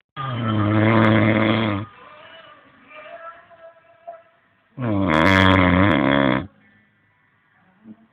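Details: Loud, rough, rumbling snores about three seconds apart with quiet breathing between them: snoring.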